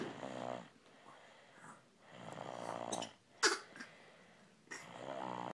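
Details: Soft, buzzing snores with breathy, whistly noises between breaths; snoring.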